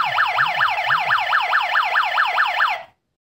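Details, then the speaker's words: Portable four-sensor gas analyzer (PLT850) sounds a rapid, loud, repeating siren-like warbling alarm with spoken warning after being blown on at the oxygen sensor; low oxygen concentration triggers the gas detector alarm. "attention please oxygen gas concentration exceeded attention please oxygen gas low concentration the oxygen level dropped and the alarm went"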